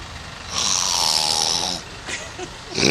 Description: Man snoring LoL